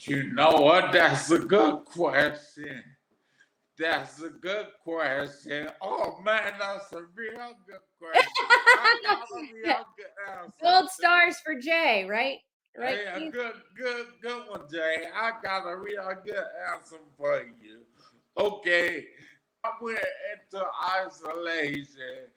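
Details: Adult man with aphasia after three strokes.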